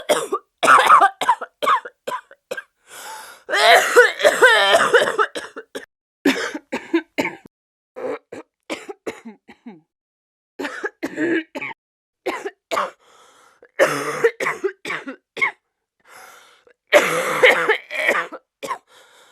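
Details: Acted cough from a 36-year-old woman, recorded with a Sennheiser 416 shotgun microphone: repeated harsh coughing fits, unable to catch her breath, with gasping breaths between bursts.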